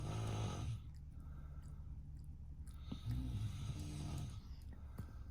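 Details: Man (Bello's dad) snoring in the background while a golden retriever sleeps; deep, rumbling snores with snorty breaths, heard faintly against room noise. Snoring.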